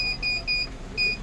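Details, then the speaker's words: Repeating high-pitched electronic alarm beeps, about three a second, from a Bio-Med TV-100 transport neonatal ventilator signalling a gas leak from a deliberately opened port, shown with a red light and an on-screen message. "भी हो दि जब कभी कोई alarm आएगी जैसे की समझ लीजिए की कोई लीक हो रहा है कहां से गैस तो इस प्रकार [संगीत] से यहां पर एक लाल रंग की लाइट आएगी और यहां पर मैसेज आएगा कि क्या प्रॉब्लम है"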